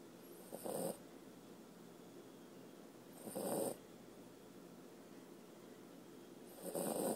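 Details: Sleepy puppy snoring: three loud, rough snoring bursts at about 17 breaths a minute over quiet room noise; snoring during sleep.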